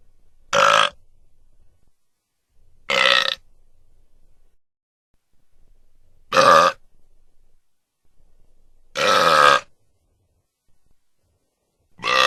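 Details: Sound-effect recording of five loud, voiced belches, each under a second, separated by silent gaps; burping.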